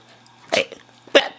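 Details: A Shih Tzu dog sneezing on command for a toffee: two short, sharp, hissing bursts about half a second apart; sneeze.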